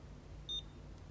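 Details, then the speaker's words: Paediatric diabetes blood glucose test demonstration: after a fingerprick blood drop is applied to the test strip, the glucose meter gives a single short, high electronic beep as the reading is displayed within about five seconds. "within about five seconds the blood glucose reading will be displayed on the machine"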